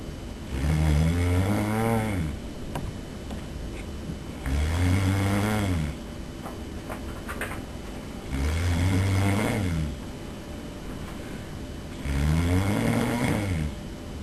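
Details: Someone filmed asleep by a roommate: loud, deep rattling snores on each breath in, four in 14 seconds, about 16 a minute, with steady room noise between; heavy snoring.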